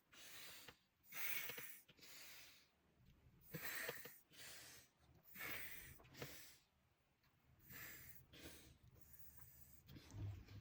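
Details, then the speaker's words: Near-maximal load during maximal inspiratory pressure test on a threshold inspiratory trainer, emptying lungs fully before each attempt: forceful, noisy, strained, snorting inspirations through the resistive valve. "Là, ça devient difficile pour moi. Du coup, ce que je fais, c'est que je vide bien mes poumons."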